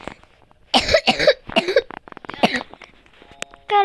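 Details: Young girl coughing while playing a video game: several short, sharp coughs close together, with game sounds in the background.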